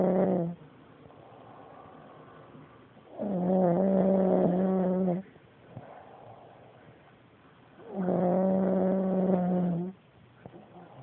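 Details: A nephew snoring at night gives loud, buzzing snores on the in-breath, roughly every five seconds, with quieter breathing between them; snoring.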